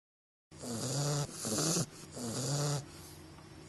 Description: English bulldog puppy snores everyone a christmas carol.